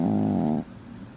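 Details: Puppy snoring loudly: one loud, buzzing, rattly snore lasting just over half a second, then quiet breathing.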